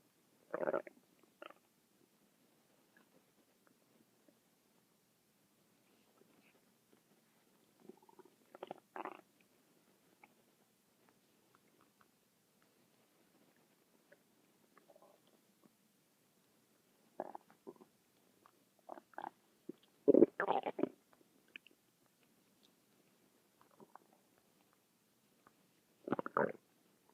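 Intermittent gurgling and rumbling bursts from the belly, separated by quiet stretches: ordinary stomach growling.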